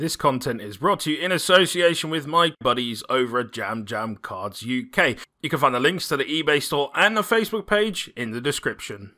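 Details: Adult male speaker; normal voice.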